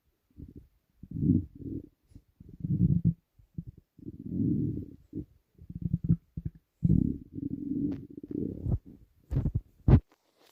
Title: Stomach rumbling (headphones advisable)